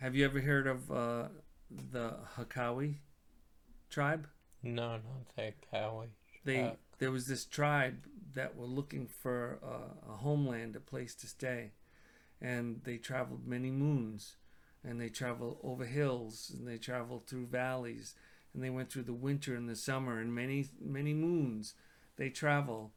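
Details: Adult man speaking; normal speech.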